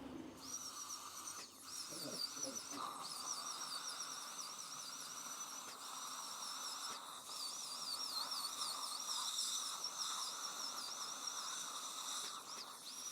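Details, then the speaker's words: Dental drill: high-pitched whine of high-speed handpiece rising and falling while cutting crowns on lower teeth (lower crown preparation after inferior alveolar nerve block) in full mouth rehabilitation for advanced fluorosis with black-red staining and white spots; teeth vital, no root canals. "కింద పల్లకొడు ground cutting అయిపోయింది ఆ lower కి line up start చేస్తున్నాం"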